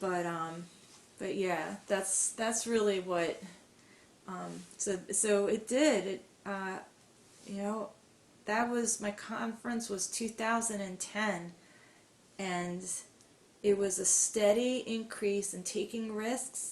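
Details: Adult woman who stutters, attended a stuttering conference in 2010 and later took more speaking risks; stuttering.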